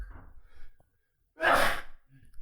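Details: Single sneeze from a sick adult man during a podcast recording: soft low murmuring, a brief silence, then one sudden loud burst of air.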